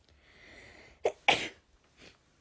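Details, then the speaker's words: Young Japanese woman with allergic sneezing: a quick catch of breath, then a single sharp sneeze and a soft breath. "ごめんなさい。くしゃみでそう。花粉すごいね。"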